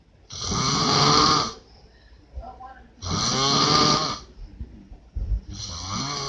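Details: Father snoring during sleep: loud, harsh, rattling snores on each breath, about 23 a minute, separated by quieter exhalations; snoring.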